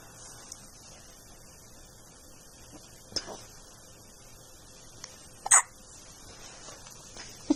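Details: Infant with hiccups: a few short, sharp catching sounds, irregularly spaced, in a quiet room.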